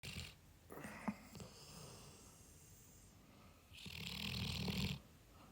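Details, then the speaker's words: A pet snoring while sleeping comfortably, recorded up close: soft, noisy breaths, then a longer rumbling, raspy snore on the in-breath. "ボリュームを上げてセージのいびきを聞いて下さいこんなに近くでこんなイビキかかれては寝られません"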